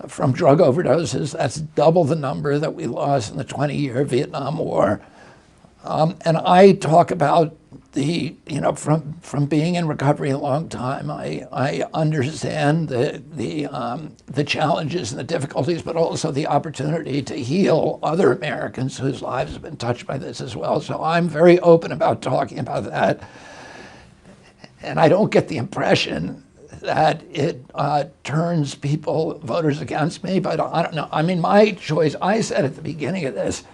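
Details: Adult male with spasmodic dysphonia, onset in 1996 at age 42 after a neurological injury; he attributes it to his brain sending wrong signals to his vocal cords rather than to the vocal cords themselves, and says his voice was very strong before onset.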